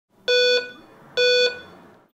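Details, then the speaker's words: Two steady electronic beeps, about a third of a second each, in a quiet room: a HAMILTON-C1 ventilator (software 2.x) signalling its locked touch screen was touched; screen-lock beep. "to prevent information from being entered accidentally you can lock the touch screen when the green indicator next to the key is lit you know that the screen lock is active if you touch the screen this will generate an audible beep"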